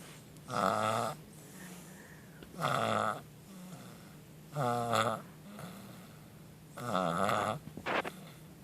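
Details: Snoring: loud, rattling snores on each breath in, about four in eight seconds, with quiet breaths out between them.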